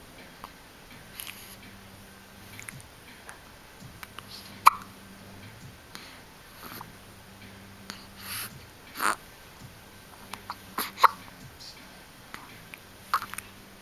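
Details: Hiccups on waking up: repeated abrupt, sharp hiccup sounds every few seconds in a quiet room with a low steady hum.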